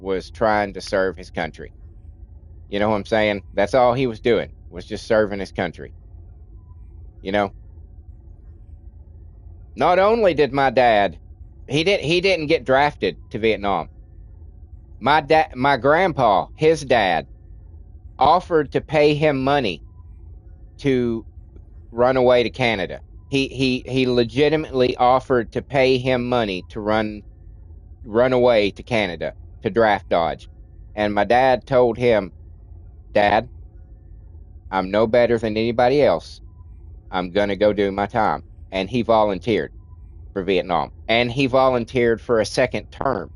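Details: Adult man with a childhood speech impediment, treated with speech classes in kindergarten and first grade, who says it is milder now but audible when he talks a lot: stuttering.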